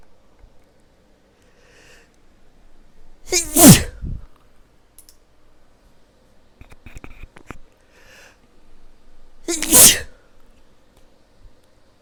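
Two forceful sneezes, each with a brief in-breath before a sharp burst, against faint room noise.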